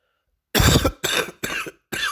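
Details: Four loose, rattling coughs in quick succession with phlegm from a cold (catarro); wet, productive cough.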